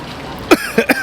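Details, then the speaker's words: Coughing and choking on the matcha powder while eating matcha soft-serve ice cream; the powder is felt in the throat; cough. "Too much powder? Let's see. He's choking on his matcha powder."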